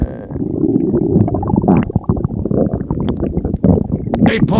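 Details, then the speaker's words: Continuous gurgling and rumbling with bubbly pops from a person's belly: ordinary stomach growling (borborygmi). "freaking great. I am loving the sound of your stomach so much."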